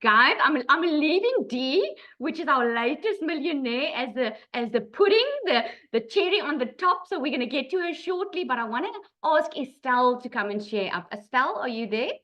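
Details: Adult woman speaking; Normal speech.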